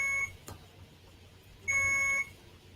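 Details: Two shrill, steady electronic beeps with a faint click between them from an infusion pump at a hospitalized patient's bedside, alarming that its bag is empty.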